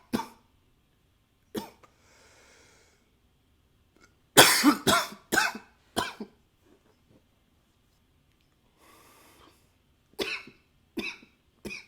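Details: Coughs recorded with a new high-fidelity microphone: irregular single and clustered coughs, about ten in all, with soft breaths and brief nose blowing between them in a quiet room.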